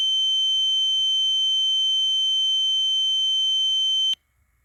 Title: Ear noise sound effect. Ear ringing